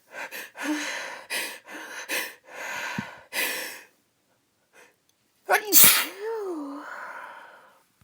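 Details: Female, uncovered sneezes she tried to hold back: several stifled sneeze bursts, then a loud full sneeze with a sharp intake and a trailing voiced exhale.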